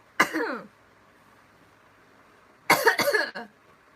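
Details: Young woman coughing after a drink that made her burp: a single harsh cough, a pause, then a quick burst of two or three coughs with throat clearing.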